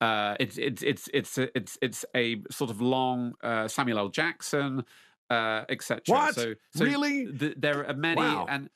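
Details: Adult man, lifelong stutterer who confronted his stutter at age 33, speaking; stuttering with audible repetitions.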